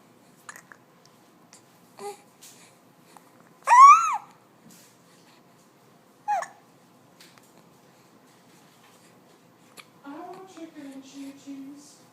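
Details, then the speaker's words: Hiccups in a 2-month-old baby after laughing a lot: three brief, sharp, high-pitched catches in the breathing a few seconds apart, then soft cooing. "Oh, now you have the hiccups. You're laughing too much and now you have the hiccups."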